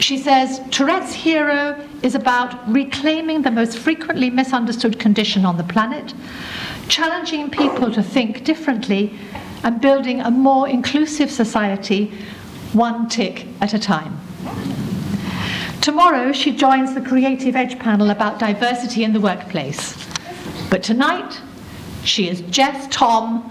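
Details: Adult woman narrating; ordinary speech.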